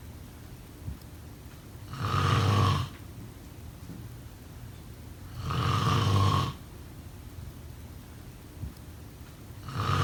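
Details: Regular rough inspiratory snores, about 16 a minute, with quiet breathing out between; snoring.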